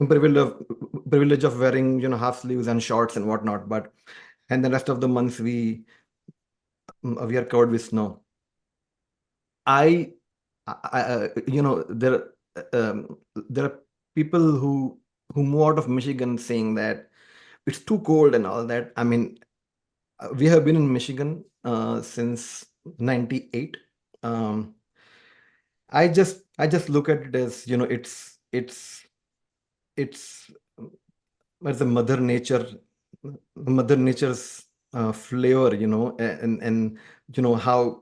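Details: Adult man described as a person who stammers, heard with word repetitions and fillers; stammering.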